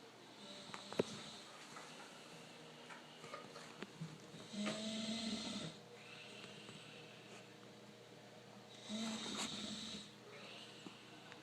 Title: Snoring in the toilet